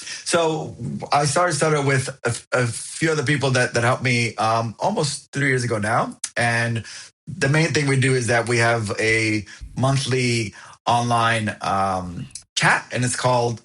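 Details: Adult man who has stuttered since he could talk, now an overt stutterer, with blocks that bounce, slide or are silent; found a stuttering support group at 28; audible repetitions; stuttering.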